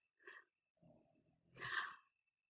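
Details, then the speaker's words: Pugs (dogs) snoring in the background while sleeping: rough, rumbling snort on the in-breath followed by a noisy, hissing out-breath. "you can hear my pugs snoring in the background"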